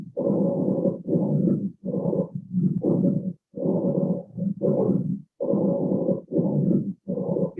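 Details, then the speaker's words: Low-pitched, rumbling sounds on expiration from bronchoconstriction, played on a mannequin simulator: expiratory rhonchi. "que es en expiración, y es de tonalidad grave. En la expiración, inspiración, expiración. En la expiración, el ronco, de tonalidad grave."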